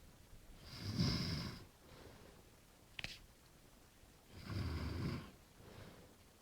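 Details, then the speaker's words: A wife snoring while asleep, though she says she never snores: two rasping snores on the in-breath a few seconds apart, with softer breathing and a brief click between them. "She snores a lot, and she told me that she doesn't snore at all."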